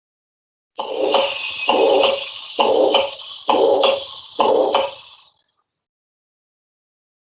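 Five harsh, whooshing heart cycles at about 67 per minute, each with a loud murmur: a systolic ejection murmur of pulmonary stenosis.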